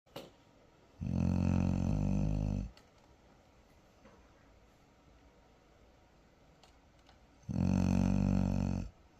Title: #doggo snoring like a lumberjack #funnyanimals #funnypets